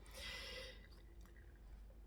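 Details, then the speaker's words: A single sharp, hissing burst of air under a second, then quiet room noise, during a spoken recording: one sneeze. "vous prie une excuser vous aurez l'éternuement dans l'enregistrement je ne vais pas couper les termes humains ça fait partie des nettoyages énergétiques"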